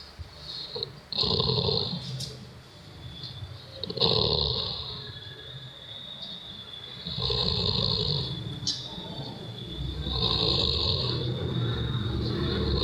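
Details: Snoring during sleep, attributed to lack of sleep or tiredness, with strange, scary sounds: loud, rough snores on the in-breath about every three seconds, with a harsh, rattling, unusual quality over a noisy background.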